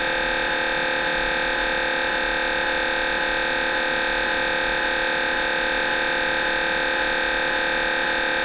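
Loud, steady electronic buzzing drone with a faint regular pulsing: MRI scanner noise during a scan.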